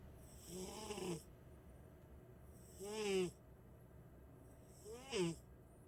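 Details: Loud, squeaky snoring from a sleeping female cat, three snores at about 30 breaths a minute over quiet room noise; the owner says the snoring wakes them every night.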